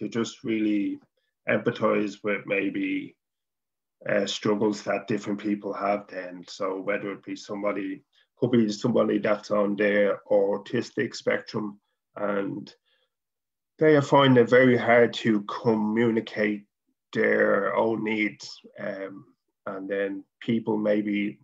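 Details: Adult man from Dublin, Ireland, who stutters, former chairman of the Irish Stammering Association; stuttering.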